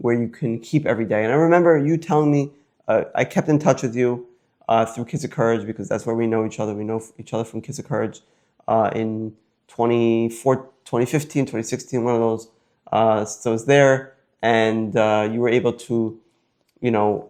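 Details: Adult male speaker; typical speech.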